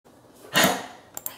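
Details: An older dog gives one short, harsh, dry cough burst, followed by two faint clicks in a small room. The context tags it as a dog dry cough.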